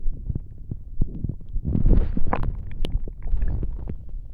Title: Stomach noises